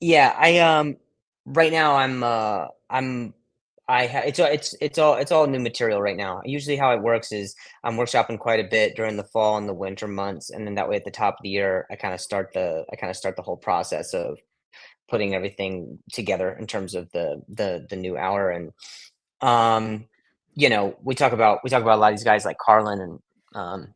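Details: Adult male comedian with acquired stuttering since age 20, after a softball hit him in the throat (vocal contusion and traumatic brain injury); blips, stutters and blocks.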